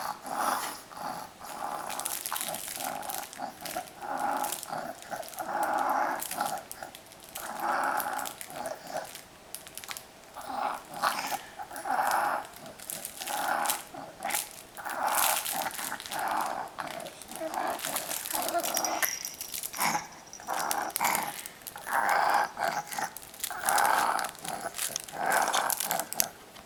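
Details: Five-month-old boy, a happy wheezer whose parents were very worried: noisy, rasping breathing repeating with each breath; by nine months barely audible and silent during sleep.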